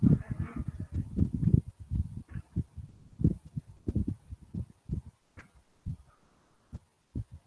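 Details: Mitral stenosis heart sound played in a cardiology teaching seminar.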